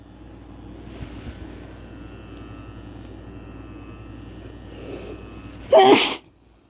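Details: Adult male sneeze induced with chhikni powder: a single loud, sharp sneeze after a quiet stretch with a faint background hum.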